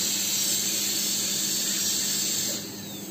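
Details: Steady high-pitched whine of a high-speed dental drill, easing off near the end, during live access opening of a posterior tooth for root canal treatment before canal finding with a DG16 endodontic explorer.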